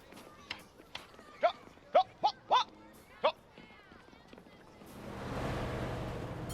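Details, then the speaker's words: Short, sharp, bark-like vocal bursts in quick succession, then rustling; acted vocal tics of a man with Tourette syndrome in a dramatized film. "you make more noise than my air horn sounds like you got to help the case of Tourette's"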